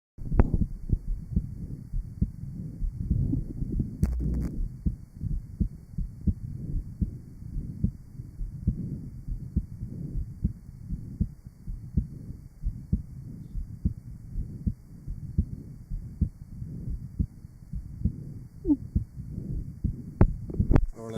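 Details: Real 1955 Johns Hopkins heart sound laboratory recording of rheumatic mitral valve disease, recorded at the aortic, pulmonic, left sternal border and apex areas: rapid, irregular low heart sounds with a murmur-like rumble.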